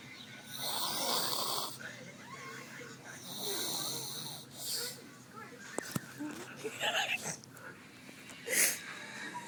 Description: My sister snoring in the chair.